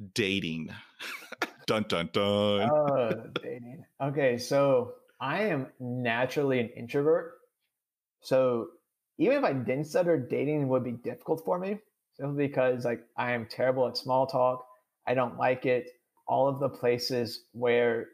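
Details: Adult man with stuttering; real, unscripted conversational speech; finding: stuttering.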